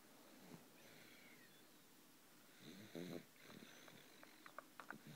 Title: Snoring!!